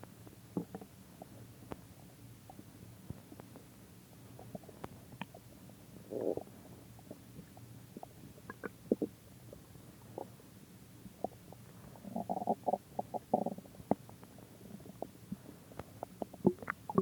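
Quiet gurgles and clicks with a few longer bubbling rumbles over a low background; ordinary stomach growling, a normal bowel sound.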